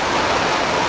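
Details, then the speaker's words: S10 CPAP machine used for sleep apnea, mask removed while still running: steady loud rushing airflow until the device shuts off or is switched off. "c'est ça que je disais que ça peut peut-être déranger quelqu'un. Alors, ça va s'éteindre tout seul. Mais ça prend quand même un petit temps, donc n'hésitez pas à appuyer sur le bouton avant de l'enlever."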